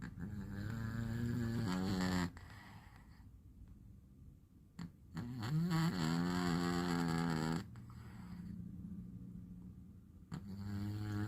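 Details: Sleeping cat in deep sleep snoring: long, rumbling snores with a whistling, squeaky edge, three slow, uneven breaths heard.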